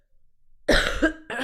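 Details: Adult streamer who says she is really sick with a sore throat, giving two short, harsh cough bursts, the first with a throaty clearing quality; an irritated-throat cough.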